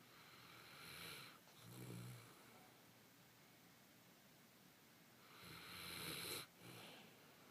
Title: snores